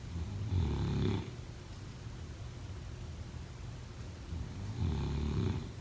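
Two low, rattling snores on breathing in, about four seconds apart, with quiet breathing between; ordinary sleep snoring.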